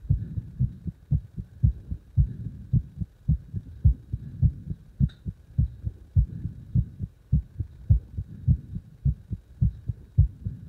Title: 拍動強い心臓の音